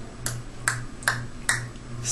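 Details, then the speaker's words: Simulated vocal tic of Tourette syndrome by an actor without the condition: four to five sharp tongue clicks at a steady pace. "touret is also characterized by one or more vocal ticks in order for diagnosis to be made including the following grunting or moaning sounds barks tongue"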